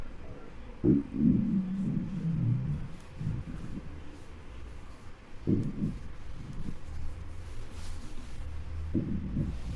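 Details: Hunger stomach noises recorded with a microphone on the belly of a giant: low gurgling rumbles in irregular bursts over a quiet hiss; normal borborygmi.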